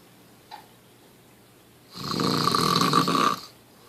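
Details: Sleeping man snoring, recorded on a Samsung Galaxy S3 phone: one loud, harsh, rattling snore lasting about a second and a half, after a faint click.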